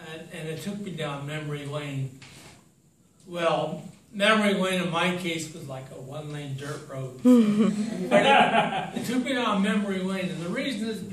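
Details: Adult man with slowly evolving ataxia, diagnosed in 2003, affecting speech, writing and balance; ataxic dysarthria.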